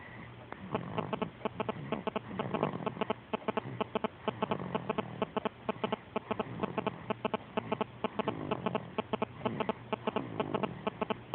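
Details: Steady, rapid, regular snuffling snores, about two per second, throughout; snoring.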